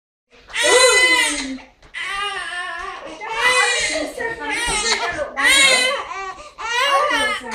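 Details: An infant cries in repeated loud, high-pitched wails separated by brief catches of breath; infant crying.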